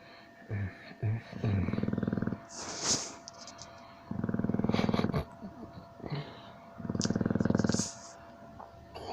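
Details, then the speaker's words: Loud, coarse fluttering snores with snorting from a sleeping Old English bulldog, about three snores in nine seconds; owner reports this loud snoring every night for years. "but this is all I hear here free every night for years it's just how it is and I think I'm about to go crazy"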